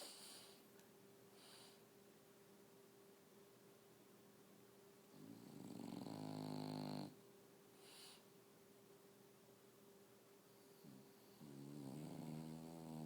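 A sleeping dog gives two rough, buzzing snores with quiet breathing between them, in a quiet room.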